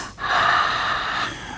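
One soft, airy breath with a smooth whoosh and no gurgling or crackles: normal breath sounds, staged for a children's show.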